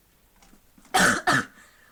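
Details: Persistent post-viral cough.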